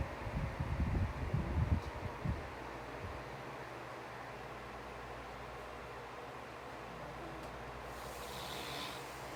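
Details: An adult man (a father) snoring: a deep, rattling snort-like snore over about two seconds, then steady quiet room hum; loud ordinary snoring.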